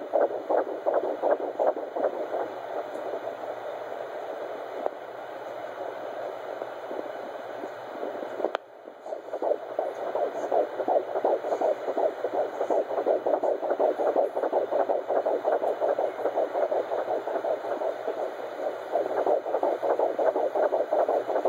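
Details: Fetal heartbeat at 13 weeks of pregnancy, heard by Doppler with an echo-like quality: fast, regular whooshing beats at about 160 a minute, a normal fetal heartbeat.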